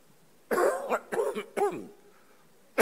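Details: A run of three or four harsh coughs close together from an adult man during a parliamentary speech, about 10 seconds of coughing, quiet room; cough.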